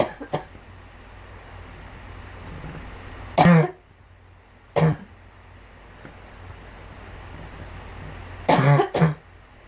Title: Girl coughing 59